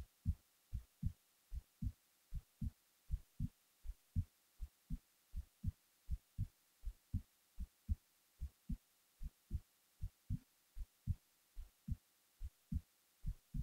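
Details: Resting heartbeat recorded while the person was falling asleep: steady, regular paired low thumps at about 75–80 beats a minute, normal.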